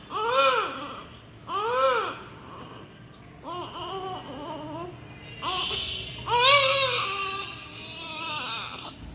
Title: Crying newborn baby sound effect ||Blue colour|| #newbornbaby #neonatal #love #newborn